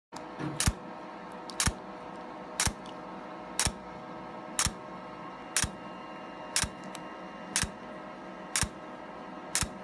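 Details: Laser hair removal handpiece: sharp clicking pulses about once a second over a steady hum; laser hair removal device firing.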